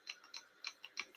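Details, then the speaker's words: Objective tinnitus from palatal tremor (palatal myoclonus): sharp, regular clicking at about four clicks a second, audible clicks from involuntary palatal movement. "temblor palatino mira, oyes los clics, y existe aquí mira, este movimiento involuntario en esta región, ¿está bien?"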